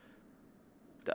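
A quiet stretch ends with one short, abrupt hiccup sound from an adult during a bout of hiccups.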